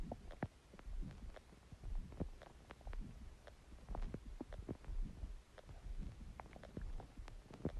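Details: Soft, irregular gurgles and low rumbling pops from the belly; ordinary stomach growling.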